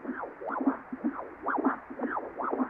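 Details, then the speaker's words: Pulsed-wave Doppler cardiac flow sound recorded on a GE Vscan Air SL handheld ultrasound during a self-scan after colour mode: rhythmic whooshing flow signals at roughly 75 a minute, normal cardiac Doppler. "And then after coming out of color, then I can choose my pulse wave Doppler."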